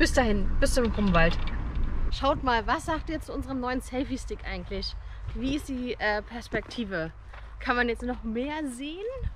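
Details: Adult speaker; Normal speech.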